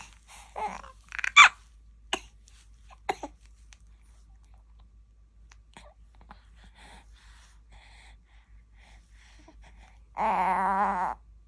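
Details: Two-month-old (64-day) infant coughing and passing gas at once: a few short coughs and grunts, then a brief cry-like sound.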